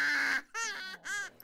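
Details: Endoscopy example in an infant with laryngomalacia (floppy voice box) collapsing inward; musical noise mostly on breathing in, possibly with retractions; inspiratory stridor.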